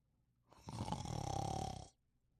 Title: Thunderbolt Sleeping & Snoring